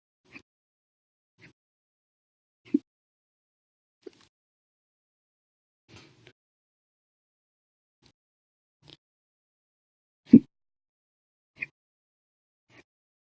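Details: Hiccups on 8/25/19, described as violent, loud and silent, lasting 14 hours 16 minutes after breakfast, lunch and a cup of soda after dinner: abrupt, brief catches, about ten in thirteen seconds, some stronger than others.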